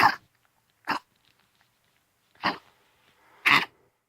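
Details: Four short, harsh coughs from a Pomeranian coughing all day for 10 days; vets exclude heart disease, pneumonia, tracheal collapse and likely kennel cough; on Benadryl, hydrocodone/homatropine syrup and doxycycline: chronic cough.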